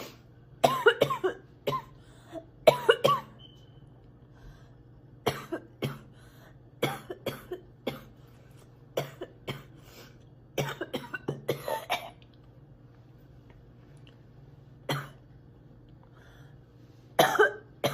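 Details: Repeated short coughs in clusters from a girl, with throat clearing and quiet pauses between; frequent coughing, described as sick and spitting.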